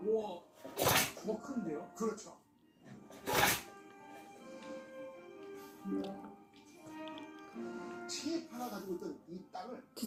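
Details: A Shih Tzu dog gives two sharp, explosive sneezes a few seconds apart, with soft talk and music behind; the owner suspects rhinitis; sneezing.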